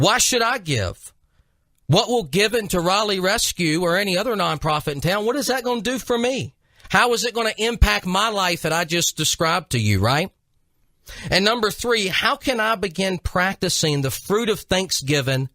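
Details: Adult male speaker; normal speech.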